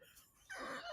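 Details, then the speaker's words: A sudden sustained squeaky gurgle of an adult's growling stomach, blamed on a cake brownie, after a brief quiet pause: stomach growling (borborygmi). "um why is my stomach can you hear my stomach it's like the third guest everyone can hear your stomach it's full on Goblin it's I think it's that brownie listen to it it's the cake brownie"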